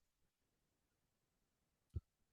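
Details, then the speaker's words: Imitation of a temporomandibular joint click: a single sharp click in a quiet room, likened to castanets, the sound detected on palpation without pressure per TMD diagnostic criteria; distinguished from crepitus; taught in context of occlusal splints in children and adolescents. "Y en el los criterios diagnósticos para trastornos temporomandibulares se describe como un sonido que se detecta al hacer palpación sin presión y que suena así."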